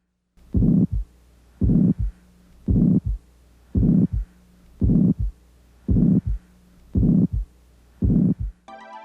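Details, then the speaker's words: Systolic regurgitant murmur in heart failure, heard at the fourth intercostal space at the left sternal border and at the apex: regular heartbeat near 56 a minute with a blowing systolic murmur from enlarged ventricles preventing AV valve closure. "It may occur when the enlarged ventricles prevent the AV valves from closing properly. This causes blood regurgitation through the valves, which creates the characteristic murmur sound."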